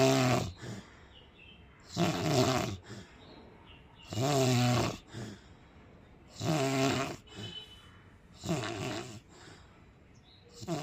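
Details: Loud, rough snores recurring regularly, about 27 a minute, with quieter breaths between; the listener says the snoring gave them a headache. Ordinary heavy snoring.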